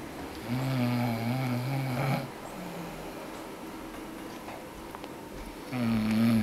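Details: Mother snoring while asleep: a low, steady rattling snore on the in-breath, repeating after a quiet pause.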